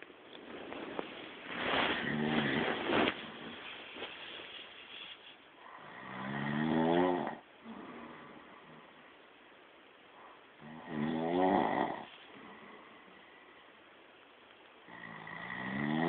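Loud rattling snores on each breath in, about 13 breaths a minute, with quieter breathing out between them.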